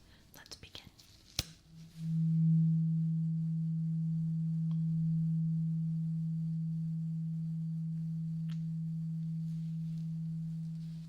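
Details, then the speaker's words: Roleplayed ear exam for clogged ears: tuning fork struck, pure steady hum slowly fading while patient reports when sound stops; simulated bedside tuning fork hearing test. "I have this tuning fork. I need you to just let me know when the sound stops, okay? I'm going to hit this and it's going to make this sound, okay?"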